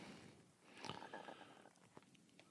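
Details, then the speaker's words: Stomach growling (borborygmi) from a podcast host, heard during conversation. "what was that sound that was the sound of my stomach"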